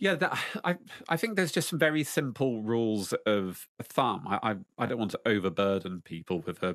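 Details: Lifelong stuttering in an adult man, aged 33 when he stopped hiding from it; stuttering.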